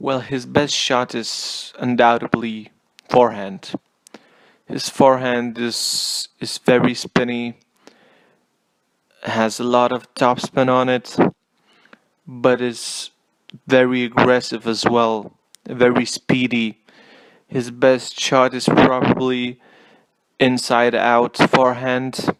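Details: Stuttering, self-reported, in a male non-native English speaker.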